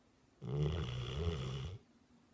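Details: Abby snuggling close and snoring: a single low, rumbling snore lasting about a second and a half in a quiet room.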